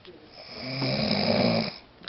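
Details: A person snoring: a single rough, rattling snore on an in-breath, lasting about a second, in a quiet room. Snoring.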